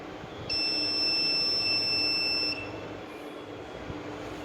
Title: Chirag Laser therapy unit (CRG-1008) #physiotherapy#lasertherapy#PHYSIO#laser #bodypainrelief #pain